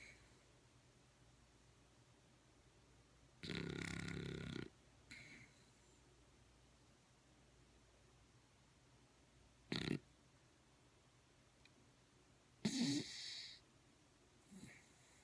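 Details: Dog in very deep sleep, labelled REM/sleep apnea by owner: a few brief snorts and short rasping snores at irregular intervals, separated by long silent gaps.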